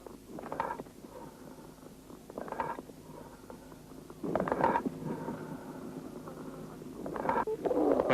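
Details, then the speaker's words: Amphoric breathing heard on lung auscultation with a stethoscope or phonendoscope over a cavity or abscess: hollow, resonant breath sounds with a blowing-over-a-bottle quality. "при воспалительном уплотнении доли лёгкого выслушивается бронхиальное дыхание А при наличии каверны или абсцесса амфорическое"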